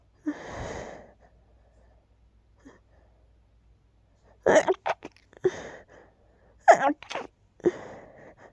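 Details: Sneezing fit before falling asleep at night, not rapid this time: about four to five sneezes, some in quick pairs, with faint breaths between.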